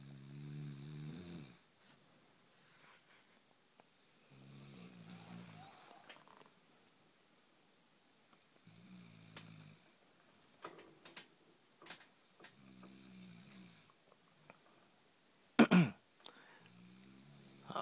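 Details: Sleeping person recorded at night gives low, buzzing snores about every four seconds with quiet breathing between; room noise; snoring.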